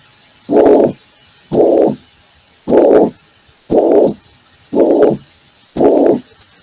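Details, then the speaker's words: Mitral regurgitation murmur played in an internal medicine valvular disease lecture: six steady blowing systolic murmurs at about 58 a minute, filling systole. "ya escucharon la estenosis vitral ahora van a ver lo que es insuficiencia de se escucha bien no es un soo de tipo sistólico"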